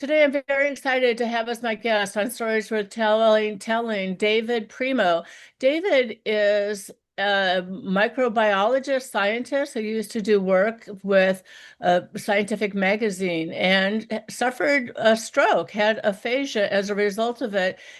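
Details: Adult woman; normal speech.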